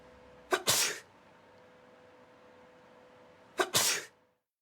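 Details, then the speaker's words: Two sharp sneezes, each a quick intake catch followed by a loud hissing burst, over a steady hum, from a subject in a lab experiment tracking sneeze droplets with laser beams and a high-sensitivity camera. "the team will track particles in the air using laser beams and a high sensitivity camera this technology allows us to detect droplets as small as 0.1 micrometers wide the experiment starts first sneezing"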